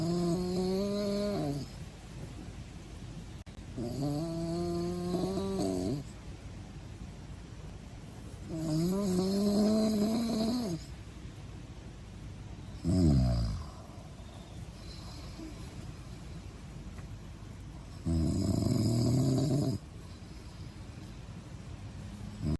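Five long, loud, tonal snores in about 23 seconds, roughly thirteen breaths a minute, with quiet exhalations between; snoring.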